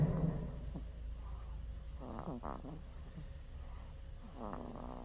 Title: cute baby snoring/ baby snoring